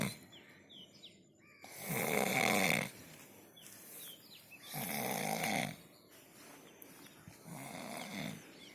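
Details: Ordinary snoring during deep sleep: rough, rattling snores about 20 breaths a minute, louder on two breaths and softer on a third, with bird chirps in the background.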